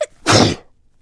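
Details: Single loud, sharp sneeze with a brief burst of air from a woman sneezing after using chhinkni (sneezing powder) while talking; ordinary sneeze.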